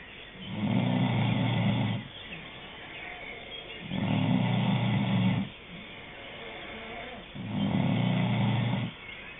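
Long rough rattling breath noises repeating about every three and a half seconds, roughly 17 breaths a minute; snoring.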